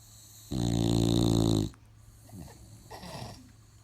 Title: My bull dog snoring